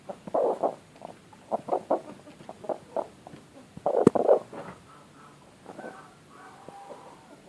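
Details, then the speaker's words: Chicken with severe snoring (ngorok), in a flock where another bird has nasal discharge and suspected snot; causes suggested include cold, CRD, AI, cholera. Rasping, gurgling bursts in short clusters with each breath; respiratory rales. "Di sini ada satu lagi ayam saya yang ngorok, yaitu yang ini. Kedengaran ya suaranya? Ya, itu ngorok parah ini."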